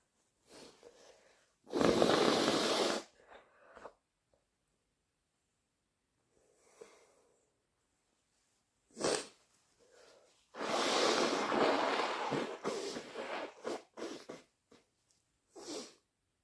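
Several loud, forceful sneeze bursts with wet sniffles and a nose blow between them; sneezing brought on by sneezing powder.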